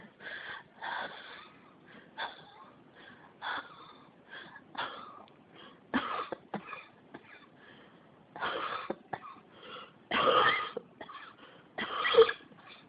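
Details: Persistent, unstoppable cough: repeated dry, harsh coughs, about a dozen bursts in thirteen seconds, some in quick pairs, keeps returning.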